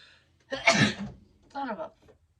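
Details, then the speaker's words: Adult woman announces an impending sneeze, then a single sharp, explosive sneeze followed by a brief voiced exclamation. "sorry I cuss every time I sneeze I hate sneezing so much I sound like I have Tourette's or something"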